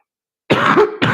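A harsh, rough burst of coughing and throat clearing, then the start of another, fitting a congested, phlegm-laden cough.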